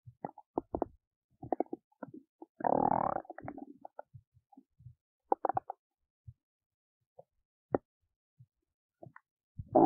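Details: Adult belly digesting oats in a quiet room: scattered gurgles, pops and clicks with one longer bubbling rumble, ordinary bowel sounds.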